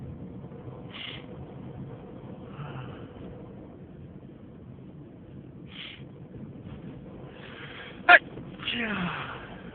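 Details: Induced sneezes, both stifled and loud: soft, breathy, muffled sneezes over low road noise, then one sharp, loud, full sneeze near the end.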